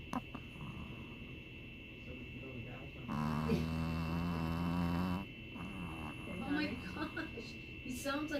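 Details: Sleeping, possibly dreaming dog gives a low, rumbling, growl-like snore lasting about two seconds over a steady high-pitched room whine; snoring.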